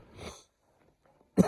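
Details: Rapid, hard-to-contain allergy sneezing fit: a soft breathy intake then a sudden loud sneeze burst; allergies are kicking up today and the sneezes keep coming.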